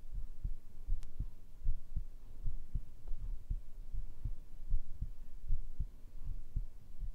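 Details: Recording of a heartbeat made for relaxation, a steady thudding heart rhythm: a normal heartbeat.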